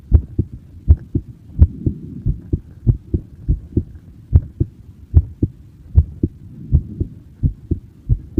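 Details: Recorded in person, a steady, regular lub-dub heartbeat at about 83 beats per minute, with clear paired thumps over a faint low hum.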